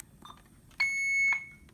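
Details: Steady high-pitched electronic tone for about half a second over quiet room noise: an Alaris infusion pump alarm on a pediatric pump, set off because the chamber door was open during a tubing-loading demo.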